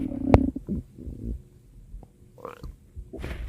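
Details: Low gurgling rumbles and squeaks from the belly; stomach growling (borborygmi).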